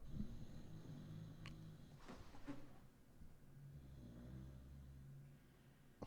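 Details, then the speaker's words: A dog snoring hard, heard in the background of an adult's commentary: snoring. "my dog is snoring hard did you guys hear that"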